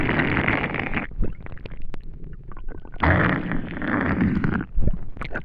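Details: Loud, low gurgling rumbles with popping bubbles from an empty stomach after not eating for a day; typical hunger stomach growling (borborygmi).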